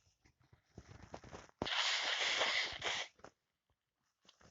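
A strong, prolonged explosive blast of air through the nose and mouth after a few quieter intakes; a sneeze.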